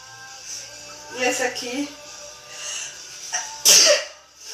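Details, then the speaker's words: Voices over background music, then a single sudden loud sneeze burst near the end. "I'm not going to stop sneezing now. So why do you sneeze for 4 hours?"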